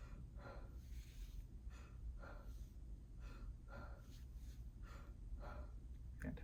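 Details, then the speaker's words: Adult male, nurse practitioner respiratory exam, deep breaths in and out: slow, regular breaths with soft airflow noise, no wheeze or crackles; symmetrical chest rise and fall, normal AP diameter; normal breath sounds. "good exam is normal he has symmetrical rise and fall of his chest"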